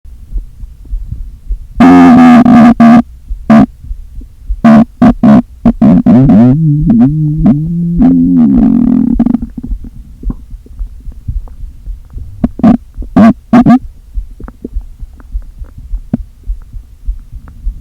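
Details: Loud, hollow stomach growls and gurgles with a long groaning rumble from an empty stomach after a full day without eating, deliberately inflated with air; air heard shifting back and forth: borborygmi.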